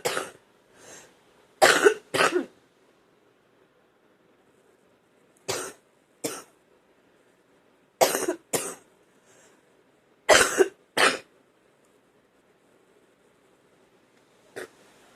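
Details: Adult gives about eleven harsh coughs in quick pairs, bringing up phlegm, feeling like drowning in phlegm; productive (wet) cough.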